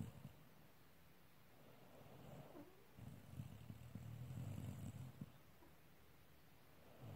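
Soft, low, fluttering rumble during breathing, quiet and close to a purr; light snoring.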